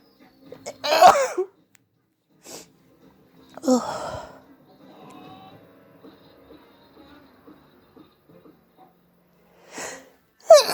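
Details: Itchy hay fever or cold, some sneezes deliberately induced and some not: several forceful sneezes with sniffs and quiet stretches between them.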